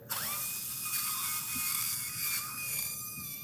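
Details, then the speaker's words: Cadaver lumbar spine, prone, during minimally invasive TLIF demonstration: high steady whine of a surgical power drill cutting bone from outside into the facet joint, working toward the lateral disc. "I'm just drilling from the outside into the facet joint there."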